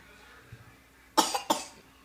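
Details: Two short, dry, deliberate coughs from a young boy in a quiet room, coughing on each pepperoni while making pizza; the father says he is sick.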